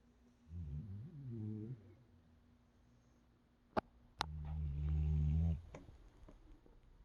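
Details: Female sporting dog, deeply asleep after a full weekend of running and training: deep, low, rumbling snores on the in-breath with quiet between breaths; snoring.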